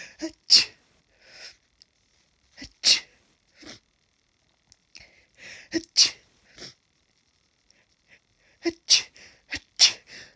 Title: Sniffing and sneezing at grass pollen